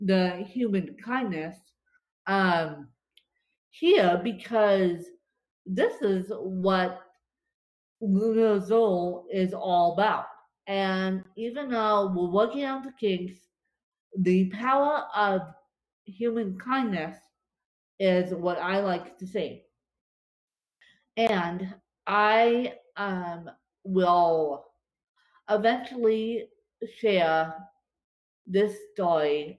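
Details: Real dysarthria in a woman with cerebral palsy affecting her limbs and brain, recorded after a bad spasm day, which she says leaves her more tongue-tied than usual.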